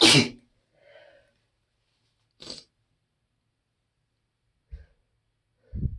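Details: Allergic sneezing blamed on trees outside the window, with watery eyes and an itchy nose: a loud sneeze, then faint catching breaths during drawn-out buildups and a second sharp sneeze.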